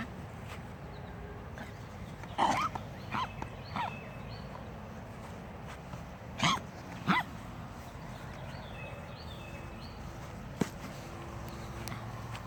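A dog gives about five short, harsh coughs in two brief bouts against quiet room noise.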